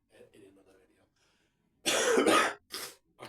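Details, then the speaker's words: Adult, about to turn 53, ill with cough and sniffling: faint talk, then a loud harsh throat-clearing cough followed by two shorter bursts in a quiet small room. "So, as I say, this was going to be a workout video, but as you can hear, I am coughing. I'm sniffling."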